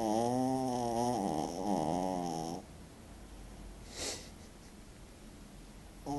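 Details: Loud, high-pitched, wavering wail-like snoring, then a quiet pause and a short breathy exhale before the next snore begins: snoring.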